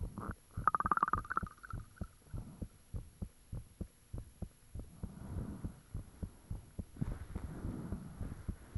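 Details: Own heartbeat recorded with the fan off, shortly after the heart began feeling really thumpy: rapid, steady low thumps about 100/min, brief hum early and some hiss; valves and blood rushing said audible at times; heartbeat.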